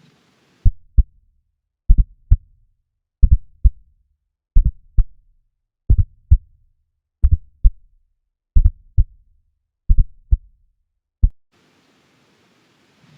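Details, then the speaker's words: Slow, regular heartbeat with a soft, low extra sound just before the first heart sound: S4 atrial gallop, teaching demonstration. "तो ये थी अपनी S4 की sound."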